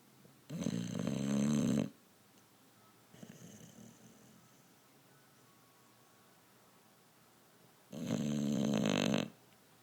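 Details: Snoring: two loud, rough, buzzing breaths about seven seconds apart with a softer noisy breath between, loud enough to drown out the TV.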